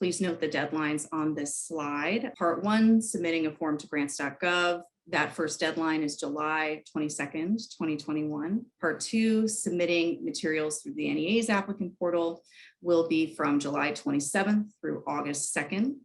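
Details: Adult woman speaking; normal speech.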